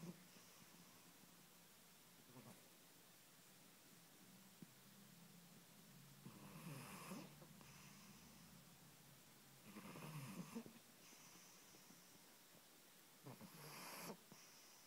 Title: Noisy snoring cat